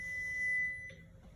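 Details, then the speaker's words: AED trainer power-on tone during adult CPR/AED skills-check training: a single steady electronic beep under a second after pressing the green button, then quiet before the voice prompts. "Step 1, turn it on. Step 2, follow the prompts. And step 3, when necessary, push the shock button. So, you'll turn it on using the green button."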